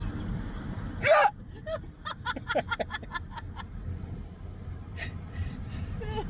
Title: Hiccups challenge. Trying not to laugh with mouth wide open. lol What do yours sound like?